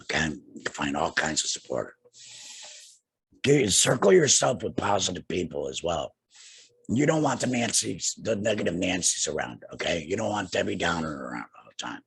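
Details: Adult man two years after laryngectomy for cancer with radiation and chemotherapy, breathing through a neck stoma and speaking with a tracheoesophageal puncture voice prosthesis and an HME: tracheoesophageal speech.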